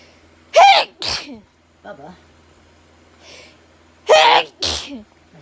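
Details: Repeated sneezing during intense autumn allergy sneezing: two pairs of loud explosive sneezes in quick succession, about four in five seconds.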